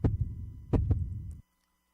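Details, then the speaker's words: Human heart sound played as an example: a few low paired thumps of a heartbeat over a steady hum, a normal heart rhythm. "Está conseguindo ouvir? De novo. Esse é o som do coração humano."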